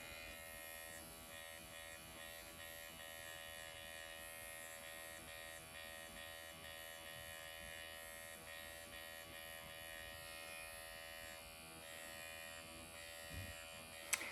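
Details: Motorised MD Needle Pen automated microneedling device running during self-treatment of the lips and upper lip line: steady high electric buzz in a quiet room.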